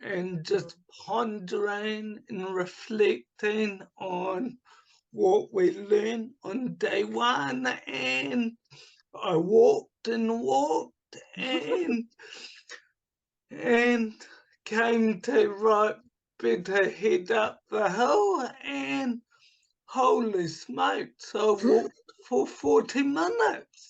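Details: Adult man with cerebral palsy from oxygen starvation at birth, affecting his right hand and speech; speech has improved markedly but is not back to normal; he also recovered from chronic fatigue syndrome and chronic pain; dysarthria (cerebral palsy).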